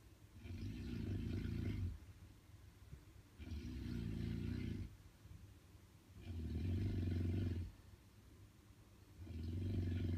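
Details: Extremely loud snoring: very loud, deep rattling snores, about four in ten seconds, each lasting over a second, with quiet breathing between.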